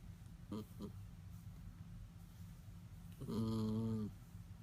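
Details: A few short snorts, then one longer, buzzy, faintly whistling snore from a sleeping schnauzer; snoring.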